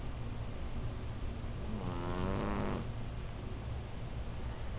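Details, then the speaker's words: Sleeping female cat snoring; owner jokes she may have sleep apnea and doubts it's healthy: a single long, deep, rattling snore over steady low background noise, like a large man snoring. "Hey, wake up. Use a snore. You got like sleep apnea or something, babe."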